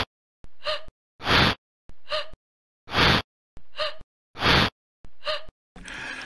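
Four sharp gasping inhales, each followed by a loud burst like a sneeze. The sequence is evenly repeated, with a noisy rush at the end.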